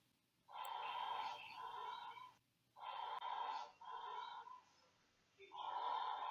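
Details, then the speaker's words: Breath sounds from a ventilated, intubated NICU infant, heard through the SonarMed airwave endotracheal tube monitor microphone: tonal, hollow rushing breaths, about 25 a minute, normal ventilated breath sounds. "We talked about before that you can hear the breath sounds using the SonarMed airwave, and that can be also very powerful and a very powerful"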